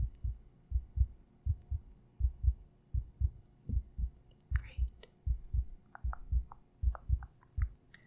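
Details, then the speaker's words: Steady low double thumps at about 80 a minute with soft tapping, heard through a stethoscope on the chest in a simulated ASMR doctor check-up roleplay, after blood pressure read 118/70; called a little slow; regular heartbeat. "your heart beat is a little slower but that's that's that's that's okay"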